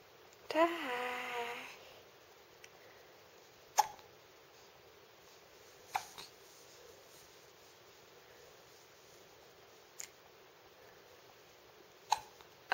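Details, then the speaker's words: 10-week-old infant girl with hiccups: a brief infant vocal sound, then five sharp, isolated hiccups about every two seconds against quiet room noise. "maar eens kijk eens aan. Je hebt de hik."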